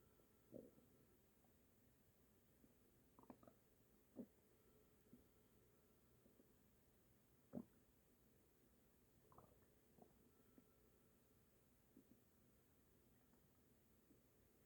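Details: Quiet, irregular gurgles and brief low rumbles over faint steady room hiss at night: ordinary stomach and bowel rumbling (borborygmi).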